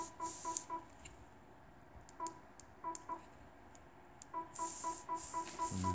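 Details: Ethicon GEN11 generator with Harmonic ultrasonic scalpel handpiece: groups of short, quick, tuneful electronic beeps with faint clicks, the activation tone when the handpiece is fired.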